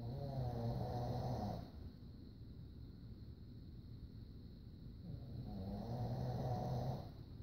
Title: Rocky can Snore!